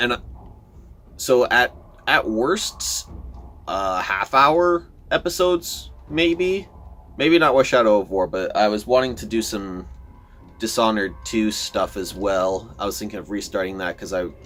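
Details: Adult man who says he stutters a lot, giving casual commentary over gameplay. Finding: stuttering.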